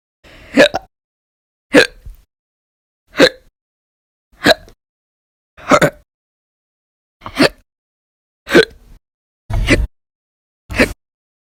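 Nine sharp, abrupt hiccup sounds, about one every one to two seconds, separated by silence: repeated hiccups.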